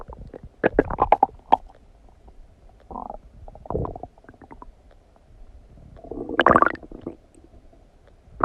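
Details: Stomach digesting noises after eating donuts: bowel sounds (borborygmi).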